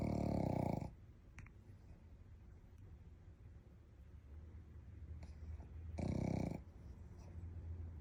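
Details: Snoring with gentle whimpers from a sleeping Shih Tzu dog, described as dreaming.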